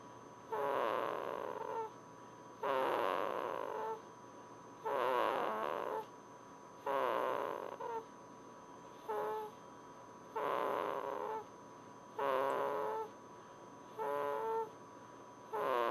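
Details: Baby asleep: steady, rhythmic, rattling snores, about 30 a minute, with a faint hum in the room; snoring.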